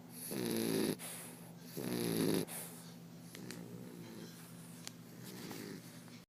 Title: English Bulldog, Turk Snoring